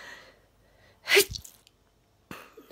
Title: The Sneezing Sniffler - Trying to Stifle My Sneeze